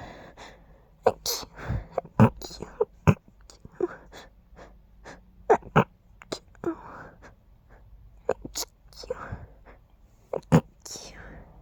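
A series of quiet, stifled sneezes, short muffled bursts with soft breaths between them, several in close succession.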